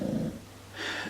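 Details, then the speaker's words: Puppy bulldog asleep in the background: a brief low, rattling snort followed by a soft hissing breath; snoring. "He's snoring and I feel like you can hear it."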